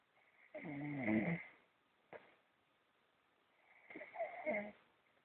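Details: Sleeping pet filmed in a dark room after an active afternoon: two drawn-out, whining snoring breaths with a brief snort between, in a quiet room; snoring.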